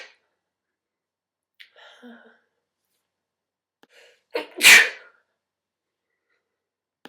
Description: I was about to take a shower and kept sneezing so i recorded myself.